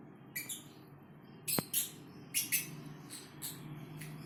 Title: Lovebird snoring | Fischers! 3 | Rare Happy Hearts!